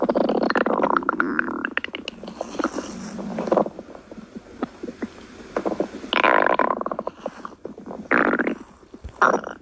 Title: stomach growling